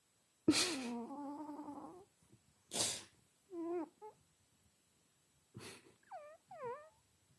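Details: Cat sneezing: three sharp, explosive sneezes with short chirping meows and trills between them; the uploader labels it a snoring cat.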